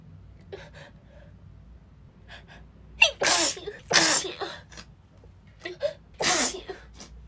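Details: Sick woman sneezing repeatedly, more sneezes than she can manage a full breath between: three forceful sneezes in quick succession, each preceded by a sharp inward gasp.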